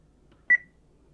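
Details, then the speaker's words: Single short electronic beep in a quiet room from a Baxter HomeChoice home peritoneal dialysis machine, used by an adult with kidney failure. The beep confirms the load button press before line pressure self-testing. "i'm going to please wait and right now it's going to do some self-testing to make sure that those lines i'll hold pressure and everything"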